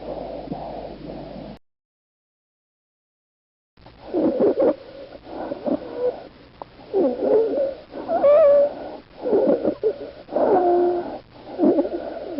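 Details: Rapid, noisy animal breaths with squeaky, whistling tones running through many of them: noisy breathing with wheeze.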